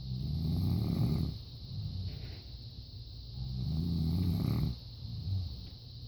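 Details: A wife asleep: two long, low rumbling breaths about three seconds apart with softer breaths between, about 20 breaths a minute; typical snoring.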